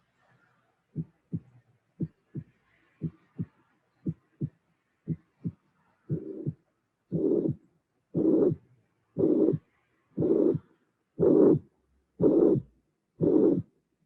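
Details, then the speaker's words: Teaching recording of mitral regurgitation built step by step: first a few beats of first and second sounds only, then a systolic murmur added, then a third heart sound appearing at the end. "so in this case i didn't mention before we have a third sound appearing at the end so you will have three phases in the construction of the auscultation"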